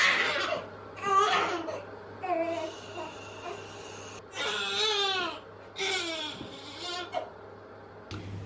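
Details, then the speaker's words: A 2-week-old baby girl's evening fussiness (typically 4–8 p.m., short micro-naps): bursts of rising and falling wails separated by brief breath pauses; infant crying. "This happens almost every single night between like 4 p.m. till like 8 p.m. She just refuses to sleep, or will have really tiny little like 5-10 minute micro naps and then wake up and be really fussy again."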